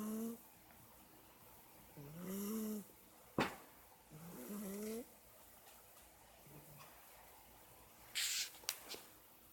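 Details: Cat sleeping in the kitchen, snoring: soft, rhythmic snores over a few breaths with a squeaky, whistling tone; the snoring had been heard as weird sounds from another room.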